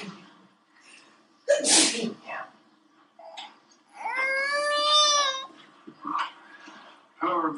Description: Baby Play Time interrupted by an Adult Sneeze